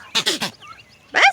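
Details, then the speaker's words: Quick bursts of sharp, snorting sneezes from baby goats after they were sprayed with mosquito spray. "Babies are getting a little mosquito spray because the mosquitoes are so bad. There's a lot of sneezing going on."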